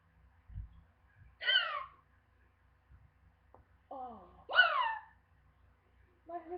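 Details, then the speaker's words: Real, persistent, painful adult hiccups: three loud, squeaky hiccups in under seven seconds, each a sharp gulping yelp with falling pitch, with faint catches between, echoing in a house. "The worst hiccups ever. And they hurt. They hurt my ears. And it echoes in my house."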